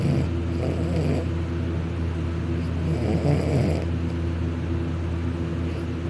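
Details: Person napping on his back on a couch with mouth open, drooling: continuous loud, rumbling low-pitched snoring with a steady vibrating buzz on each breath, some higher-pitched snores; louder when on his back.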